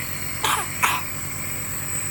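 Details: A child being treated with a nebulizer for a very bad cough gives two short, harsh coughs over the machine's steady mechanical hum.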